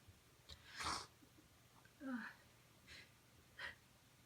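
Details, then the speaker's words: An adult with a sensitive nose, possibly an early cold or allergies, induces sneezing with rolled-up tissue: one loud explosive sneeze, then several smaller sharp nasal bursts. "Oh, these are powerful."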